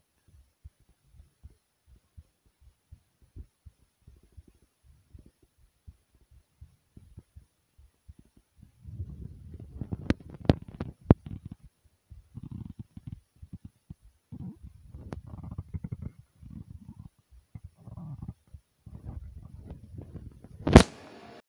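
Soft low heart thumps at a slightly quick pace, later joined by louder gurgling stomach rumbles.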